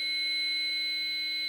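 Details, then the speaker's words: Child AED healthcare-provider training demo, pediatric pads for patients under 25 kg, placed on the upper right chest and left mid-axillary line: after "shock advised, charging, stand clear", a steady high-pitched alarm signals the AED is ready to shock. "Shock advised. Charging. Everyone stand clear."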